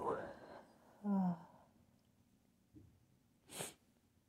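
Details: Teasing-induced sneeze: breathy buildup and drawn-out voiced gasp, then a short, sharp, partly stifled sneeze burst.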